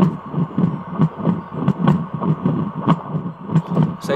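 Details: Old fetal Doppler (WEM) tested after maintenance by placing it over an adult volunteer's heart: pulsing whooshing beats showing the device works.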